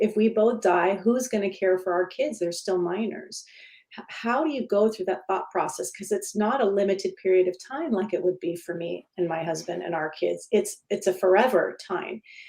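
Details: Adult woman with idiopathic subglottic stenosis for about 12–14 years, treated with repeated tracheal dilatations and surgeries: dysphonia from idiopathic subglottic stenosis.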